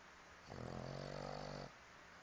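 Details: One drawn-out, buzzing, voiced snore lasting about a second over quiet room noise; ordinary snoring.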